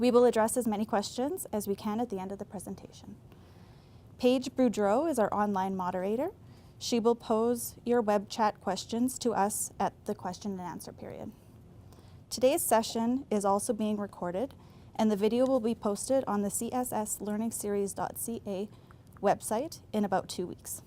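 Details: Adult woman; normal speech.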